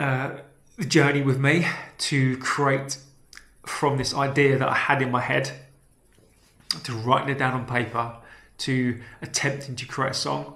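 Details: Man with a self-reported real stammer, speaking naturally; stammering.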